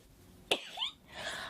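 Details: A single sharp cough or sneeze burst followed by a short breath over quiet room noise, from someone who sneezes repeatedly while talking during the recording.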